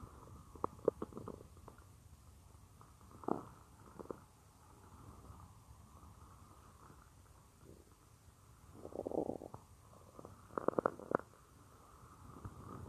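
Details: Stomach-growling roleplay (F4A) of lying on a woman's stomach as she works at a computer; her own naturally loud stomach gives quiet gurgles and rumbles with small pops and clicks: normal borborygmi.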